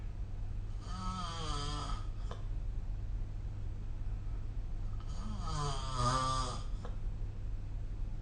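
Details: Two loud, rattling inhaled snores about four seconds apart over a steady low room hum, recorded with a snoring-recording phone app; ordinary snoring.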